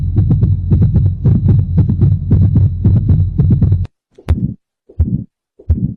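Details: Heart sounds: rapid, regular muffled heartbeats with a faint steady hum, then a few separated thumps after a break.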